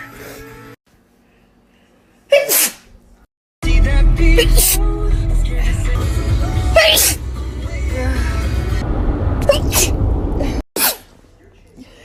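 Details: Several sharp sneeze bursts over loud background music, from a short compilation of sneezes; sneezing.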